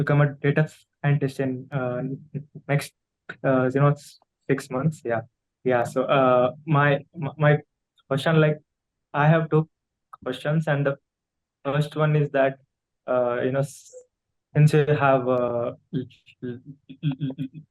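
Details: Adult man who stammers, with blocks he describes himself, speaking during an audience Q&A on a podcast for people who stammer: stuttering.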